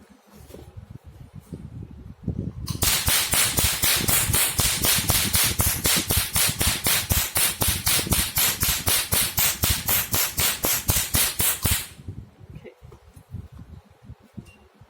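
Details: Multifunction OPT/RF laser machine, 1064 nm laser tip for pigment removal, test-fired: rapid, regular sharp snapping clicks, about four a second for roughly nine seconds.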